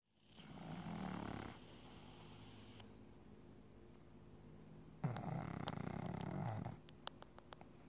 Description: Snoring pug sleeping away